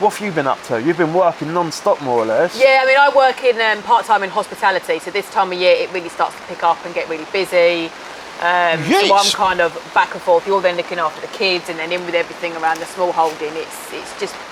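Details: Two adults in conversation; ordinary conversational speech.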